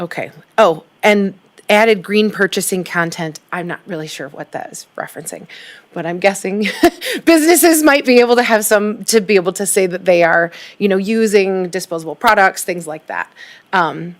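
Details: Adult woman speaking; normal voice.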